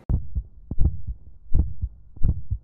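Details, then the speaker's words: Normal heart sounds in an adult male, stethoscope diaphragm over the mitral, tricuspid, pulmonary and aortic areas in a clinical-skills demonstration: regular S1 and S2, about 80 a minute, with no murmurs or added sounds. "dengan menggunakan stetoskop dengarkan regularitas bu jatuh 1 dan 2 serta apakah ditemukan bising atau bunyi tambahan seperti opening snap Edison klik"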